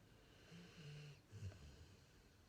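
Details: Sleeping pit bull snoring while fruit loops are stacked on his head: soft low snoring breaths with a brief snort-like rumble; faint room noise.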